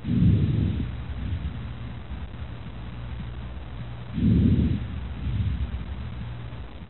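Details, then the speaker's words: EMS lung sound assessment on an exposed chest: clear lung sounds heard through a stethoscope. Soft, low breath sounds rise and fade with no crackles or wheeze. Normal vesicular breath sounds. "come on let's keep going a few more abnormal ones but while i'm here let's listen to clear long sounds"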